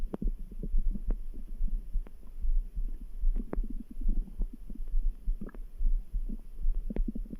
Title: Stomach grumble | Background heartbeat sounds